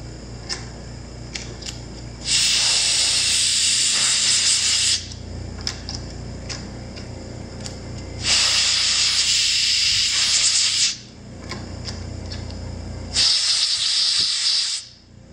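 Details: Used ex-military ASI 2025 portable mobile dental unit with its attachments (high-speed, slow-speed, electric, ultrasonic, saliva ejector, high-speed suction) run in demonstration: three loud hissing air bursts, each a few seconds, with faint clicks between.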